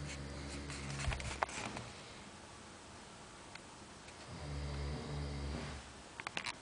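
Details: Two loud, low, rattling snores on breathing in, several seconds apart, from a man sleeping in a hostel, with quiet room noise and a few clicks between.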